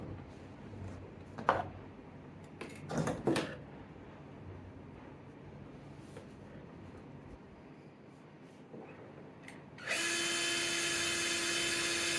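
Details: Scattered clicks and instrument handling, then a steady high whine of a powered drill boring for the second compression screw during LCDCP plating of a humerus shaft fracture, demonstrated on a bone model.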